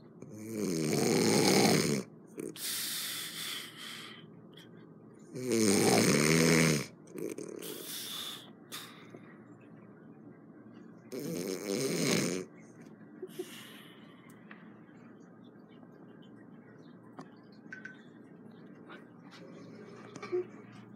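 Loud rattling snores on breaths in, about every five seconds, with softer breathing between; heavy snoring.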